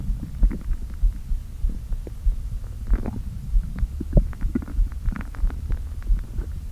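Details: Stomach noises after not eating all day, with the stomach deliberately inflated a little: low, hollow rumbling and gurgling groans as air shifts back and forth in the empty stomach; ordinary borborygmi.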